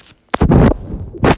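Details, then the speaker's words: Dog sleeping in the background: rough, low, rattling bursts of breath noise in short repeated pulses; snoring. "can hear my dog snoring in the background."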